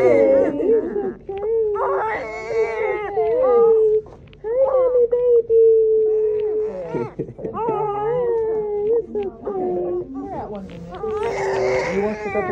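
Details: Newborn boy, 6 lb 9 oz, crying just after vaginal birth: repeated strong, high-pitched wailing cries with some adult talk in the background.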